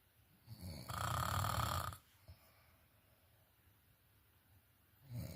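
A loud, rough, rattling breath-in lasting about a second, then quiet, with the next snore starting: snoring.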